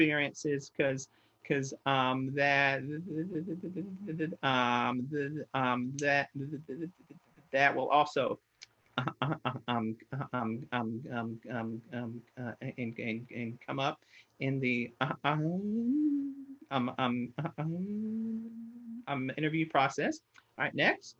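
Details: Stuttering in an adult man, a person who stutters.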